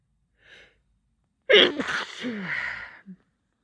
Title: compilation of spring sneezes (f)